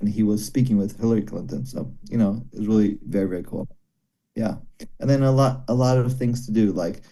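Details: Broca's aphasia in a male former paramedic after a stroke during heart valve surgery about 17 years earlier. He understands speech but finds speaking very hard, and still works with a speech pathologist every day.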